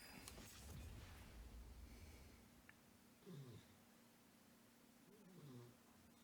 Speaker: also that sound in the distance is the little dog snoring